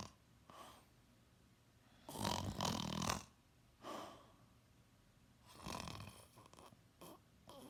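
Loud, harsh breathing noises recurring every few seconds, some rough and fluttering; snoring.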